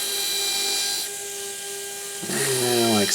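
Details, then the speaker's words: Final drill pumped up and down with irrigation completing an osteotomy for a narrow-diameter implant in the anterior mandible, then brief air cleaning; high whining drill whose pitch shifts with pumping. "so pumping up and down to get irrigation into the osteotomy and completing my osteotomy is like you see here with a little bit of air cleaning off."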